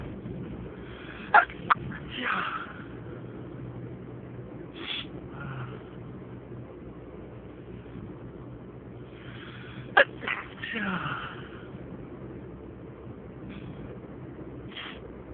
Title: Sneezing fit with many stifled